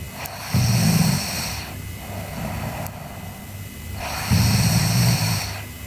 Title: Sleeping Girl Snoring (ICDM) Part 2